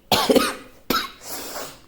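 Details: Two harsh, coarse coughs from an adult with a severe common cold and coarse cough, fever already subsided; the second cough trails into a breathy exhale.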